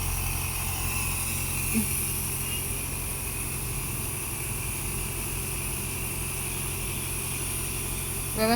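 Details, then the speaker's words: Child at home at night receiving a nebulizer breathing treatment before sleep, head raised: steady droning compressor motor hum with a faint hiss throughout; nebulizer running. "তাসলিমকে হচ্ছে লেবুলাইজারটা দিয়ে দিচ্ছি"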